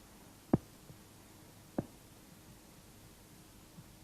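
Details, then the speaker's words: Normal heart sounds at the base of the heart, where the second sound is louder than the first; S2 comes from closure of the aortic and pulmonary valves. Soft, quiet sounds with a few sharp thumps. "в норме у основания сердца второй тон громче 1 2 диастолический тон возникает в результате захлопывания и колебаний полулунных клапанов аорты и легочной артерии"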